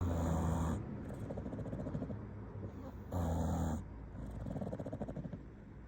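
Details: Loud, rumbling, fluttery snores in two long bursts, with rattly breathing between, from a sleeping English bulldog.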